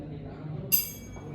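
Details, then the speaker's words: 35-year-old man during a basic hearing exam: a bright metallic ping from a struck 512 Hz tuning fork, fading quickly over low room hum; used for the Weber test. "denganemeriksaan ini kita dentingkan e eh e garputala garputala e yang sekitar 512 hz dan kita letakkan di bagian e leher pasi belakang"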